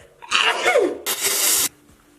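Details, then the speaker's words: A quick breath in, then a loud sneeze burst and a second long hissing sneeze, from someone who says they have really loud sneezes; an ordinary sneeze. "Excuse me, I know I have really loud sneezes, I can't help it."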